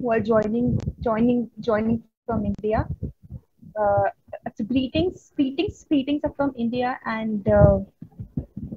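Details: Real stuttering in a woman who stutters, a stammering-association member giving a conference talk on women and stuttering: stuttering.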